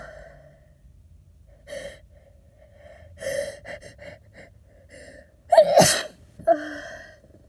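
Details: Adult with a cold, sneezing in a parked car after a nose tickle while driving: a few sharp catching inhalations build to one loud, wet, forceful sneeze, then a short voiced exhale. Sneezing.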